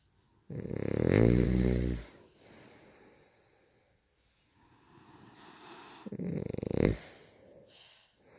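Two loud, rattling inhaled snores with a gap of quieter breathing between them: heavy snoring.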